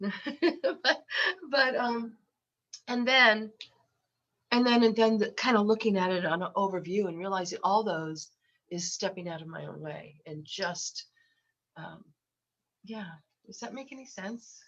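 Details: Lifelong stuttering in an adult woman, self-described as very repetitious, with eye closures; worse when unwell and since COVID, and she has a cold while recording.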